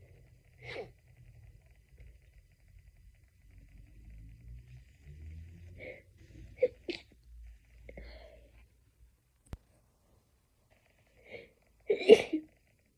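Several short, muffled, held-back sneezes, each a sharp choked burst after a quiet breath in, the last one louder: stifled sneezing.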